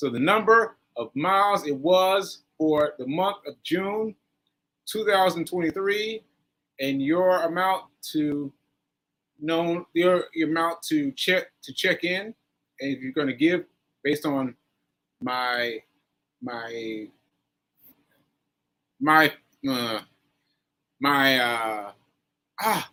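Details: Aphasia in a male stroke survivor, stroke on 7/14/22, recorded about a year later (7/4/23) during ongoing recovery.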